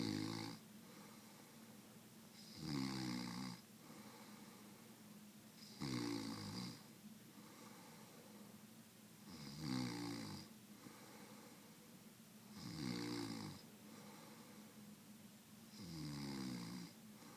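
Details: Steady rhythmic snoring, a rattling snore on each breath in at about 19 breaths a minute, in a quiet room; snoring.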